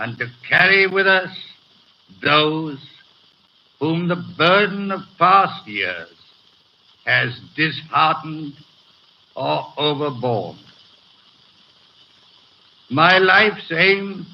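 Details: Real 1937 coronation-day BBC broadcast by a man with a severe stutter, recorded before his treatment by a speech therapist was complete, with hesitations throughout; finding: stuttering.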